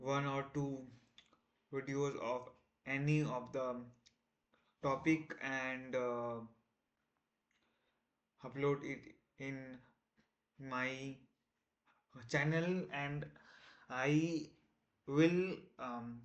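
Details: Man who identifies as a person who stammers, on day 1 of a self-set 30-day stop-stammering challenge: stuttering with audible repetitions and fillers.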